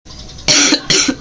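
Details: Two harsh, loose coughs in quick succession during a massage meant to relieve cough and bring up phlegm; a wet, productive cough.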